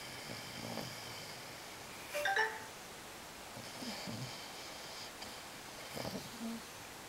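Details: Teddy, a sleeping Wheaten mix dog, gives soft, rough, snorting breaths every few seconds with a brief nasal whistle on one breath: snoring.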